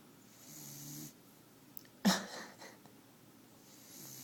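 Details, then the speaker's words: Soft, low, rumbling breaths with a buzzy, wheezy edge, then a sharp snort, from a sleeping beagle; snoring. "Al, you're snoring. It's not very sexy, you know. Al, the snoring beagle."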